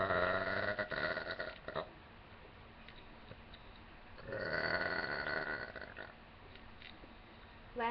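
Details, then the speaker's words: A person's two drawn-out, voiced burps separated by a quiet pause in a quiet room, after sipping soda. Ordinary belching. "All right, so here's my burp. Oh, I have soda here."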